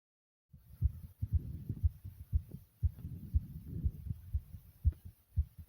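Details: Rapid, racing heartbeat with heavy breathing after jumping jacks.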